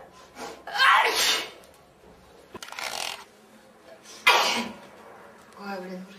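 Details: Four girls sneezing: a series of separate sharp, explosive sneezes with hissing air and a short voiced catch between them.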